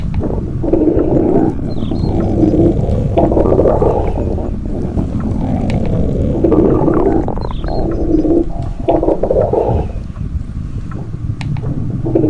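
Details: Long, continuous low gurgling rumbles that swell and fade in waves over about twelve seconds: stomach growling (borborygmi).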